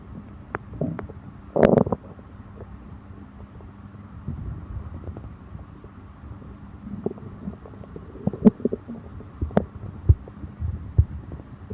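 Faint gurgles and a few short squelching pops over low, steady room hum: stomach growling after eating.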